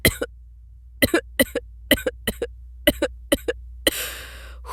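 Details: Coughs performed by a voice actor in acted scenes about a foul-tasting potion and a nasty smell, a simulated cough.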